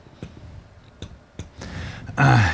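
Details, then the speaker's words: A few soft, dull taps at irregular spacing, then louder noise: direct chest percussion with a reflex hammer during an examination demonstration. "the normal sound we get back from percussion is called resonance this is the sound of an air filled lung underneath the chest wall"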